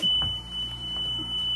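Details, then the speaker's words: Home oxygen concentrator being set up for a patient with leg blood clots: a steady high-pitched electronic beeping alarm sounds after switch-on, which is described as meaning a machine fault. "any time that those go on and the green lights are on or all of them are on and it's going like you just heard that means something is wrong with the machine you need to call us okay"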